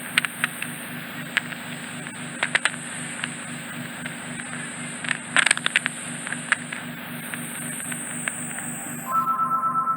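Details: Ear wax microsuction in a traumatised ear: steady low pulsing suction hum with sharp clicks and crackles as wax is picked up, then a brief high whistle. Afterwards the eardrum is fully visible, possibly slightly retracted, with some peripheral wax left.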